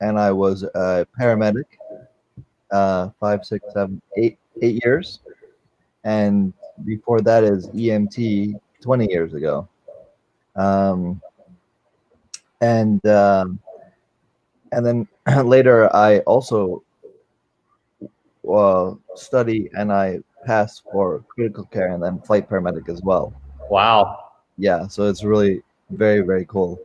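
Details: Adult man with aphasia since a stroke during heart valve surgery in 2007, at first limited to single words, now non-fluent with repetitions and filler words; non-fluent aphasia.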